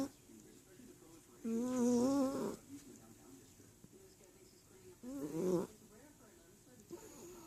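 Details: Snoring during sleep: two short, wavering, whistle-like snores about three and a half seconds apart in a quiet room.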